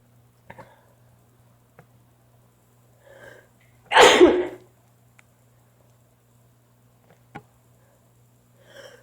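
One loud, explosive sneeze in a quiet room, with faint breaths and small noises before and after.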